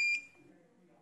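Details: Single short high electronic beep as a wireless infusion alarm powers on when clamped to the infusion line; the device automatically detects infusion and notifies nurses when the drip is finished.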